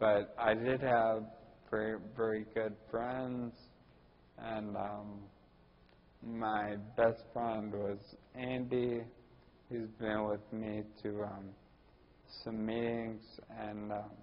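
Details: Ataxic dysarthria in a 41-year-old man with Friedreich's ataxia, which also causes balance problems and walking difficulty.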